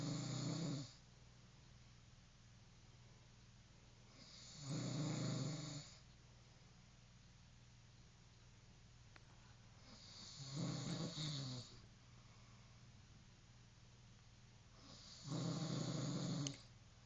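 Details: Four loud, rough snores about every five seconds, near 12 a minute, with quiet pauses and low background hum; steady snoring in sleep.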